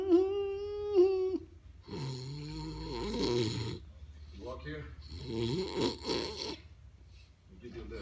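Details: Drawn-out, groaning snores with whistling and snorting sounds from a film or TV scene, with room noise in the background: snoring.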